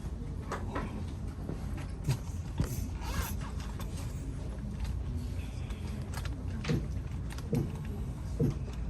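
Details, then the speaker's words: Blood pressure measurement with cuff and manometer, teaching the phases of Korotkoff sounds: soft tapping thumps over steady cuff hiss. Korotkoff sounds. "in the following example please listen for the various faces of the crot cough sounds while you observe the reading on the monometer"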